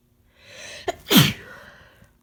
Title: Powerful Uncovered Sick Sneezes